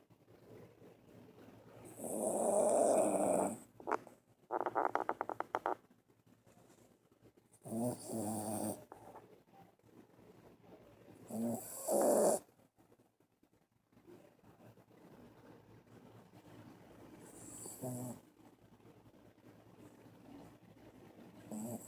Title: Snoring dog boy she sleeps hard...lol